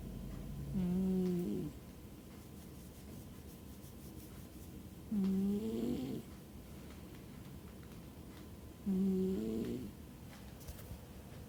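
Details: Sleeper named Ben: three rough, rattling snores, each about a second long, roughly 16 a minute, over quiet room noise.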